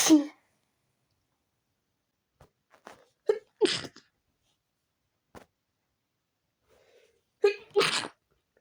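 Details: A person sneezes after waking with a tickly nose from a window left open overnight. There is a loud sneeze, catching breaths, then two more sneezes, some partly stifled in an attempt to sneeze quietly.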